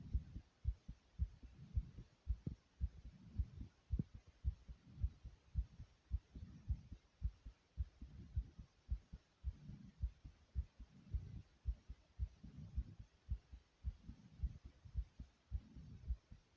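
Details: Rapid heartbeat (tachycardia): fast, regular low heart thumps around 110 per minute with heavy breathing in the background, heart deliberately made to race.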